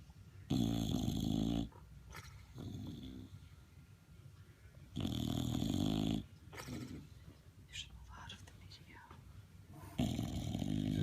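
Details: Loud, low, rattling snores on each in-breath with softer out-breaths between, about three breaths in eleven seconds; snoring.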